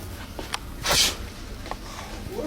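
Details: Prank sneeze aimed at people in public, the sneezer claiming to have a flu: one sharp, hissing burst of air, a single sneeze, amid faint room noise.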